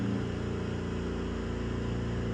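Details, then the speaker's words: Oxygen concentrator airflow, a continuous low whooshing hum from dual concentrators delivering 18 L of oxygen through the nose, heard in the background of a hospice patient with heart failure who was told severe organ failure is inevitable. "it it's not a buzz it's like a whoosing sound like an air sound in the background like who and I apologize for that there's nothing I can actually do about it what you're hearing is the air flow from my dual oxygen capacitors just trying to keep me alive on 18 L of oxygen"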